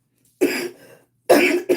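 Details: Cough due to interstitial lung disease.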